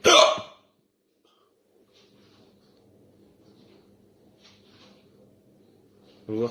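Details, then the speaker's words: Ongoing hiccups that won't stop, sometimes lasting nearly an hour, possibly after eating a lot: a sharp, abrupt hiccup, then a quiet pause with faint breathing and the onset of another. "Des fois, je peux l'avoir pendant presque 1 heure. On va voir si ça dure aussi longtemps."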